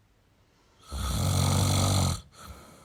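One deep, rumbling snore lasting over a second on breathing in, followed by a softer breath out; typical snoring.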